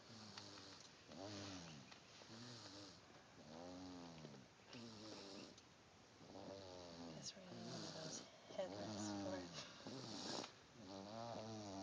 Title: Snooooozing & snoring!